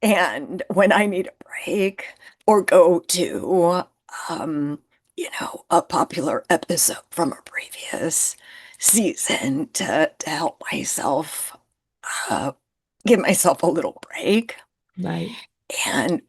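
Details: Adult woman with spasmodic dysphonia, who identifies with the spasmodic dysphonia community and finds phone calls challenging because people often cannot understand her; spasmodic dysphonia.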